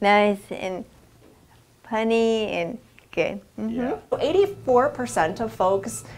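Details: Aphasia after a stroke years ago, with loss of the ability to speak, read or write; the patient is an adult woman working on verbal skills through aphasia center programs, a phone app and group activities.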